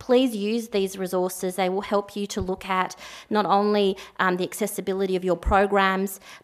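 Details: Adult woman speaking; Typical speech.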